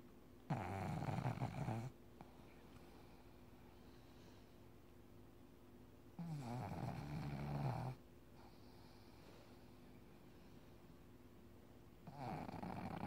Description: Snoring pug sleeping away